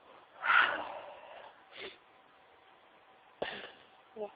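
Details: Deliberate sneezing into tissues: a breathy sneeze muffled into a tissue, a sniff, then a sharper sneeze with brief breathing noises.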